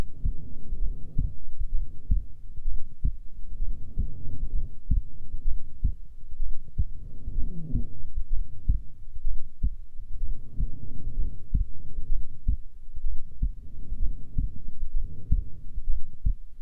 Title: Female heartbeat during resting